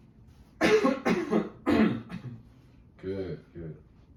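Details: Demonstration of postoperative exercises: three forceful voluntary coughs in quick succession, then two brief voiced sounds, as part of a deep-breathing and coughing exercise.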